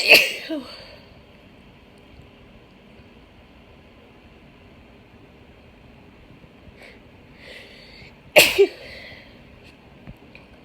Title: Cold Sneezing